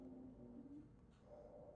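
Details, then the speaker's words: Lecture demonstration of a wheeze, a high-pitched continuous sound heard in asthma and COPD: faint continuous musical tones from airflow through narrowed airways. "Now these sounds the we're going to go through the breath sounds such as wheezes is going to be high pitch continuous sounds. You're going to hear this in asthma COPD."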